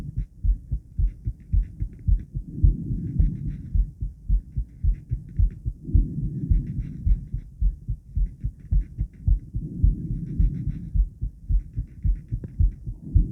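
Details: Woman's heart recorded around 50 squats, with blood pressure taken before and after: regular low heart thumps at about 109 a minute over a steady low background hum; a fast but normal heartbeat.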